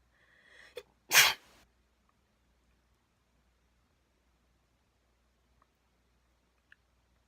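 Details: Induced sneeze: a brief in-breath followed by one loud, explosive sneeze, then quiet.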